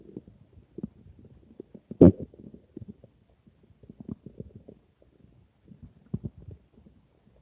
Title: Stomach growling after drinking water